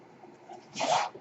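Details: Mechanical ventilator noise heard in the background as a ventilator-dependent man speaks while recording a podcast.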